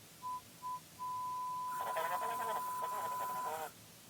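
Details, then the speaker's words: Simulated pure-tone audiometry in a hearing booth: steady mid-pitch beeps, two short tones then a long held tone, partly overlapped by music; the listener is told to look at the speaker each time a tone is heard. "now I'm gonna have you listen for some sounds every time you hear whine just look at the speaker here we go"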